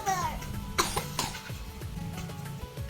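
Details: Two or three short, sharp coughs from a young girl who has a cough and cold, heard over background music and room noise.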